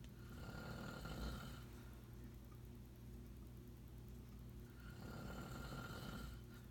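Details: Elderly man (grandfather) snoring during sleep: two low, rough, rattling breaths a few seconds apart over steady room hum; snoring.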